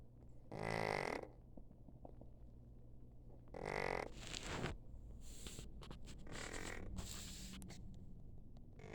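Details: Cat, a former stray with feline leukemia and a heart tumor, now with an inflamed pharynx and lymph nodes and on antibiotics and steroids. Low, rattling, snore-like sounds with each breath: stertor.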